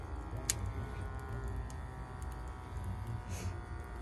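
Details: Low motor drone with faint clicks from a handheld automatic blood pressure cuff inflating on a seated man's upper arm after a one-mile walk in hot weather; reading 122/72.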